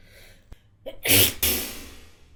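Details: Performed adult female sneeze: a quick catching inhale, then a forceful burst with a trailing second blast.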